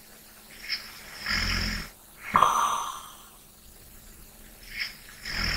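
Soft, airy snoring breaths with a faint snort and quiet pauses, about four seconds per breath: light snoring during sleep.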